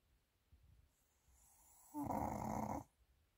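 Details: Pomeranian dog sleeping heavily: soft breathing, then one louder raspy snore lasting about a second; ordinary snoring.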